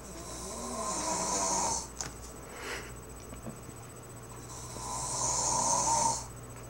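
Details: Man snoring: two long, harsh, whistling snores on breathing in, with a quiet pause between them.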